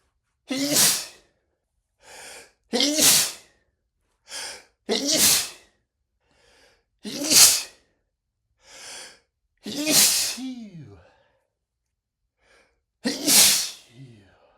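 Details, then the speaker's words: Repeated sneezing after deliberately cooking with lots of black pepper to see if it caused sneezing: about six forceful sneezes a few seconds apart, each preceded by a gasping inhalation. Spices trigger persistent sneezing and nostril flaring. "But, if I do cook something with spices, I always have to be very careful because one small whiff and I'm sneezing for like 30 minutes."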